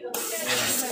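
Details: Portable dental unit demonstration: sudden steady hissing spray of air and water starting abruptly and continuing, with the unit's air and water lines running together.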